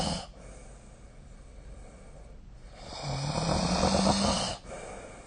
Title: 🐽 本日のイビキ / Snoring Sleep Sound 2025/05/02